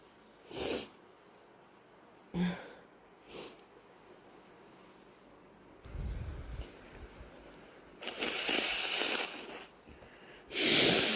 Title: Inducing with a sensitive, sniffly nose - Is it allergies or a summer cold?